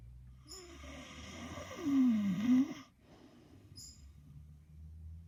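Soft, irregular nasal snorts and a wavering whistling snore from a sleeping dog. Ordinary snoring.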